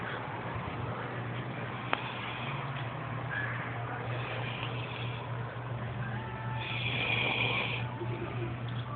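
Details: Woman asleep after drinking, snoring like a lawnmower: steady low rough rumbling like a running motor over constant room noise.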